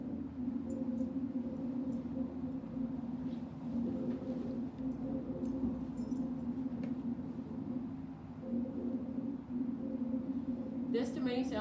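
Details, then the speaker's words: Rhonchi: low-pitched, continuous rumbling, snore-like tone over the chest, likened to a Tyrannosaurus rex underwater, from secretions partly blocking the airways. "like like a tyrannosaurus rex underwater and it's continuous so that's the thing is that like the difference between gurgling and bubbles"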